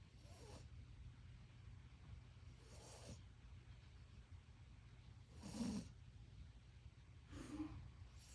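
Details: Sleeping dog snoring: soft snorting breath noises recurring at irregular intervals over a low steady hum.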